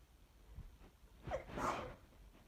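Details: Allergic sneezing fit from a bouquet of lilies, person alone, sneezes mostly covered by hand or tissue: a quick inward breath, then a forceful sneeze burst; allergic sneeze.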